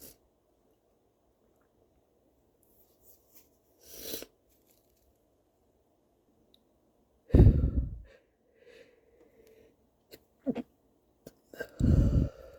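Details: Sneezing brought on by chhinkni: quiet, breathy lead-ins and false starts, then a few forceful bursts; sneezes, some stifled, with a couple of full sneezes.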